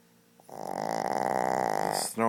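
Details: Shih Tzu dog snoring very loudly: one loud, long, rattling breath with a fluttering buzz through the airway, followed by a short noise; snoring.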